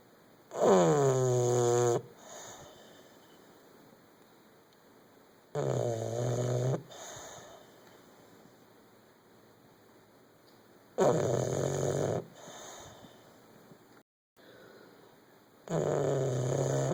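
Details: Loud, rumbling voiced snores on each in-breath, about 12 per minute, with quiet exhalations between; heavy snoring.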